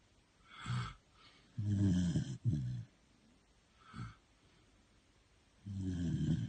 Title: It's a Snore Off!!